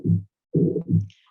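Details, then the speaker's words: Aortic stenosis murmur, the most common murmur with ageing as the valve thickens and stiffens: low rumbling heart sounds with drawn-out whooshing bursts. "this is the most common heart murmur as you get older is this aortic stenosis murmur uh because the valve is getting uh harder and harder"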